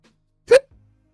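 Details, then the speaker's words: A single abrupt, voiced hiccup from an adult during a live online English class, a brief sharp gulp-like sound. "sorry again for the hiccups"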